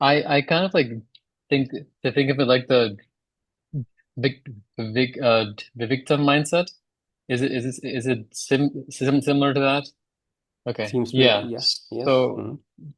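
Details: Stuttering in a person who stammers, with relapses triggered by social isolation and stress; part-word and word repetitions audible.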